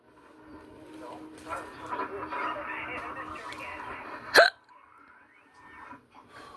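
Background murmur of voices, then one sharp, loud, abrupt vocal burst: a single forceful hiccup.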